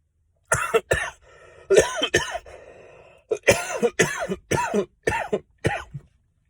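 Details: Adult coughing mid-speech, apparently choking: a bout of about nine or ten sharp, dry coughs in quick succession, with a throat-clearing sound between them.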